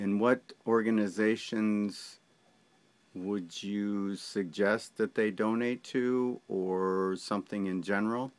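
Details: Adult male speaker; Normal speech.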